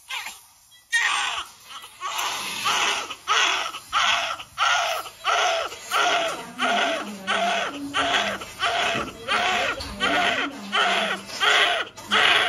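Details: Newborn crying rhythmically, about 15 cries in 12 seconds, each a strong wail with brief gasps between; a normal vigorous newborn cry.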